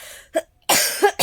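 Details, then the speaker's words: Short throat-clearing burst followed by a loud harsh cough, from someone whose cough persists for days despite cough medicine; lingering cough. "bener-bener maunya batuk tok gak tau harus minum apa ini ini dikasih majikan buat batuk masih nggak sembuh-sembuh aneh aduh aku paling gak tahan sakit"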